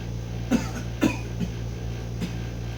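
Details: Adult male patient doing a coughing exercise after slow inhalations to loosen secretions; a few short voluntary coughs.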